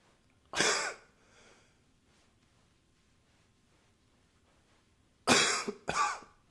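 Three harsh cough bursts, one early and two close together near the end, with quiet room noise between.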